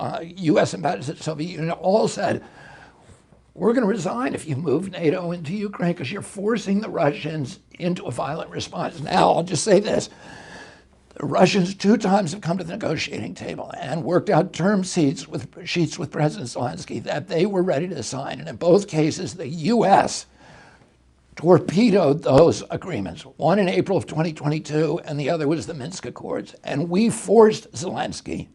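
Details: Adult male with spasmodic dysphonia, onset in 1996 at age 42 after a neurological injury; he attributes it to his brain sending wrong signals to his vocal cords rather than to the vocal cords themselves, and says his voice was very strong before onset.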